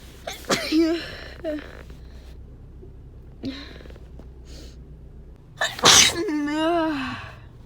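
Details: Person with a cold, stuffed-up nose and post-nasal drip: a few small sniffling sneezes, then one loud, forceful sneeze with a drawn-out voiced end; congested-sounding sneezing.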